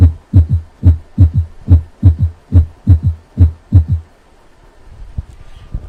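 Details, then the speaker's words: Simulated S3 gallop (third heart sound) at about 71 bpm: three normal beats, then a soft, low-pitched extra sound just after S2, heard with the bell held lightly at the cardiac apex; may be a normal variant under age 40 or an early sign of left ventricular failure. "it is a low pitch sound that requires the use of the bell of a stethoscope to be held lightly at the cardiac apex listen to a third heart sound"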